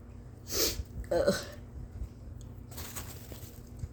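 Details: Several sudden, explosive, very wet induced sneezes, at least four giant powerful ones, from a person with a sensitive nose; sharp bursts close together, then a softer breathy burst.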